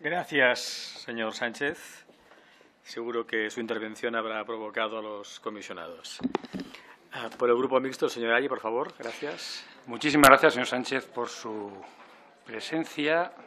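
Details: Adult man; normal speech.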